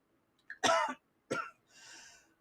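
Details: Adult struggling to breathe with slight wheezing, unable to find inhaler or nebulizer: two harsh coughs, then a noisy, effortful breath, consistent with coughing during an asthma-type breathing flare.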